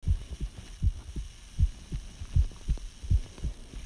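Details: Detailed recording of the person's own heartbeat, not meant for rhythm; they ask whether it sounds healthy. Regular, low, thumping heartbeat at about 79 beats a minute, paired beats clearly heard over a faint hum.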